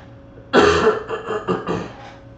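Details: Adult cigar smoker with a hoarse voice, who suspects he caught the coronavirus last week: one harsh cough followed by several rough throat-clearing bursts.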